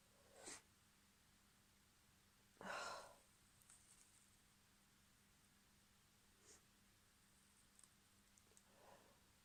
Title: Couple more sneezes (f)